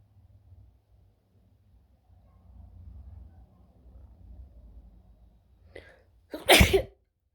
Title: Wide Nose Sneezes Africa.